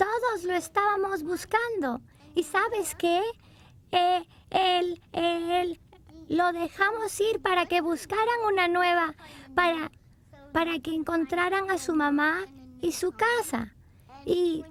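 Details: Young child with normal developmental disfluency, the repetitions common while children learn to talk, which can occur with complex language, tiredness, excitement, upset or being rushed.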